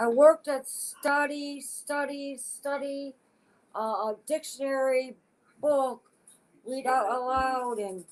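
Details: Adult woman with aphasia since a stroke in August 2014 at age 52, affecting her speech expression but not her intelligence; aphasia.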